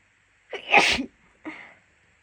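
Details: Female with a cold sneezing at university: one loud, forceful sneeze followed by a softer breathy exhale or second small sneeze; unable to stifle.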